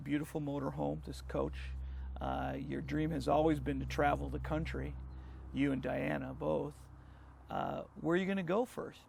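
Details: Adult male speaker; normal voice.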